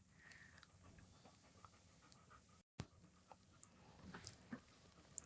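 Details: Soft, quick, steady panting from a German Shorthaired Pointer in labour, whelping a litter of 10, resting between contractions, with faint room noise and a brief dropout; panting during labour.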